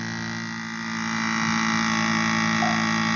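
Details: Steady buzzing motor hum with faint regular pulsing from a battery-powered (two standard batteries) electric baby nasal aspirator, MultiKids Baby, running.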